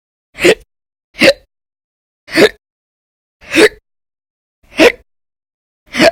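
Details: Six sharp, loud, abrupt hiccups at roughly one per second, each a brief gulping catch of breath; an audio-only recording from a series of daily violent hiccup episodes lasting about 10–13 hours each during December 2019.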